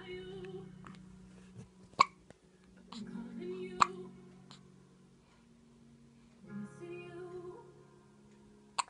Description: My little girl with the hiccups